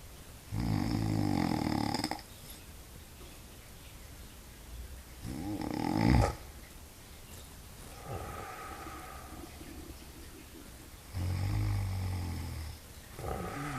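Loud, low, fluttering snores come about every five seconds, roughly 12 breaths a minute, with quieter breathing in between.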